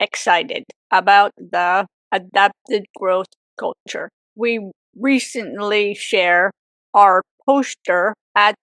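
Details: Woman with aphasia for 18 years after a severe stroke at age 44; aphasia.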